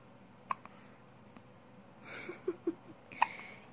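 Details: Cat hiccupping: several small, sharp, faint hiccup sounds in a quiet room, a few soft gasps between them; hiccups.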